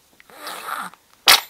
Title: @03 mos sneezing